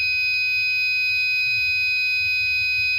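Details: Arduino-based IV infusion alarm, fluid reaching 100 and falling (about 80), nearly empty: red LED on and a steady, unbroken high-pitched buzzer tone.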